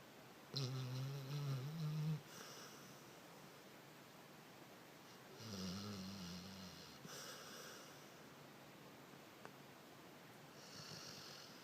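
A dog's low, rumbling snores on the in-breath, a few slow cycles in a quiet room.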